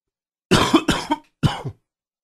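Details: Person with a cold setting in: three short, harsh dry coughs, two together then one more, in a quiet room.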